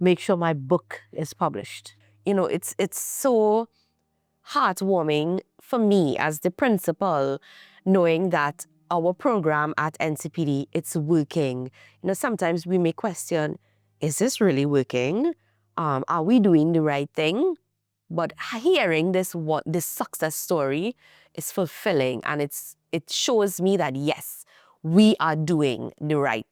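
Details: Adult woman speaking; typical speech.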